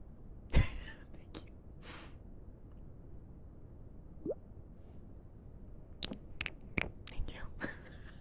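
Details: A single sharp sneeze bursts out near the start, followed by quiet breathy whispering and soft mouth clicks against faint room noise; sneeze from a livestreamer.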